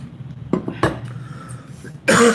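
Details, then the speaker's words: Several short, dry cough bursts from an adult who is taking antibiotics for congestion and expects a lingering cough, having had pneumonia several times before; faint kitchen clatter in the background. "Sorry for the cough. Not much we can do about it for a while."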